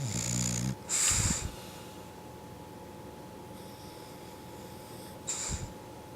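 Rough snorting inhalations with hissing exhalations, separated by quiet pauses; a dog snoring in sleep.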